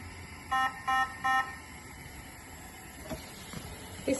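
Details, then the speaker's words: Airvo 2 high-flow nasal oxygen machine fault alarm, shown during a setup demonstration: three short, loud, evenly spaced alarm tones over a steady machine hum. "if there is any issues the alarm you will hear will be"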